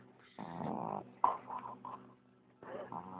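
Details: Sleeping dog snoring: loud, rough, snorting snores with a vibrating, growl-like quality, separated by brief pauses.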